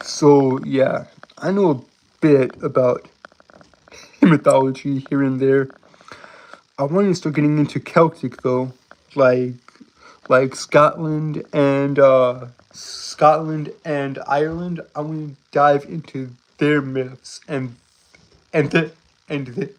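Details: Male with a self-described speech impediment he says he cannot help. Finding: stuttering (speech impediment).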